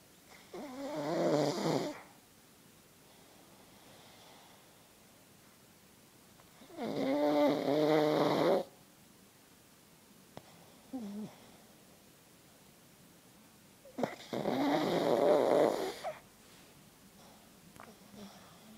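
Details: Purebred pug asleep: three loud, rattling snores on the in-breaths with quiet pauses, about 9 a minute, from a small flat-faced dog; snoring.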